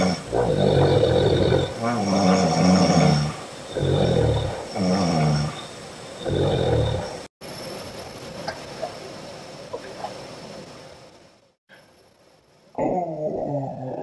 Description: My beautiful friend having an afternoon nap and snoring her lovely head off.